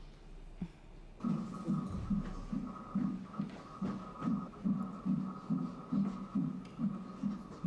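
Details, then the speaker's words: Fetal heartbeat on Doppler ultrasound during a pregnancy check-up (TV drama scene), doctor says everything is normal: rapid, regular whooshing pulses about 143 per minute. "Bebeğinizin kalp atışları"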